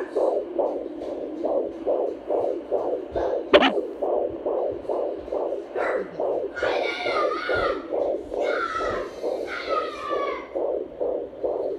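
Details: At home on a pregnant mother, baby girl: rapid, regular whooshing fetal heartbeat about 140 a minute, normal fetal heart rate.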